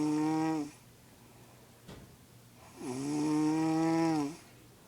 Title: Snore like a cow